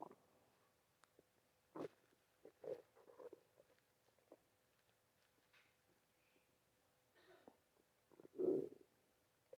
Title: bf gf and sticky stomach rumble